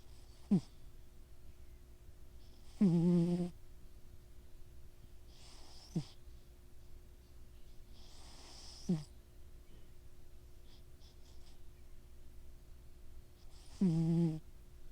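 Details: Sleeping cat snoring, compared to a little pig: a loud, buzzing snore on each breath with squeaky, whistling catches between, about 20 breaths a minute.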